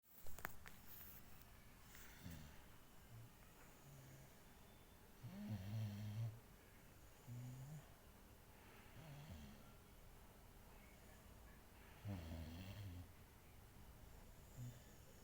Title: she is snoring 😂